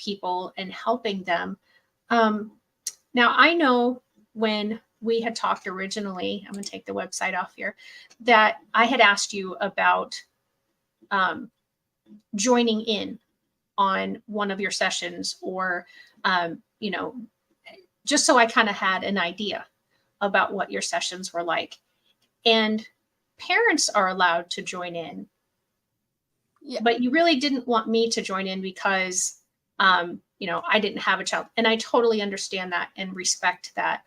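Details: Adult woman speaking; normal speech.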